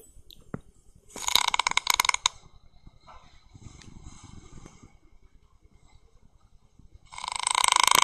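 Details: Father recorded snoring at night: rough, buzzing, rattling breath noises in loud bursts with quieter stretches between; snoring.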